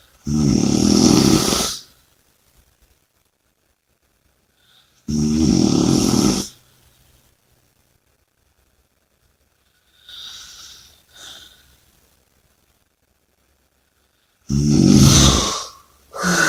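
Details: Loud, rough snores on each in-breath about every four to five seconds, with quieter out-breaths between; heavy snoring during sleep.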